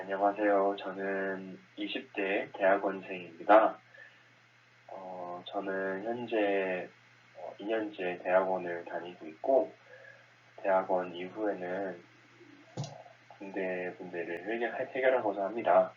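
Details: Stuttering with speech blocks in a Korean graduate student in his 20s, an adult who stutters, interviewed for International Stuttering Awareness Day 2020.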